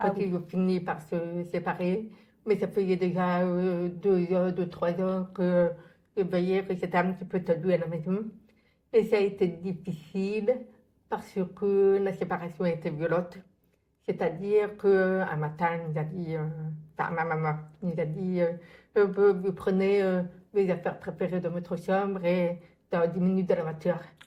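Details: Adult woman born profoundly deaf, who reads lips and had thousands of hours of childhood speech therapy after doctors predicted she would never speak; speech of a profoundly deaf speaker (deaf speech).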